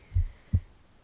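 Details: Adult reader's own heartbeat recorded on the left side of the chest while reading aloud: two dull low thumps, lub then dub, one beat with no added sounds; normal heart sounds.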